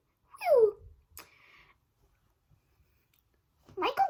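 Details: Tourette syndrome with vocal tics; possible vocal tic mid-sentence with a break-off while describing her swearing tic: vocal tic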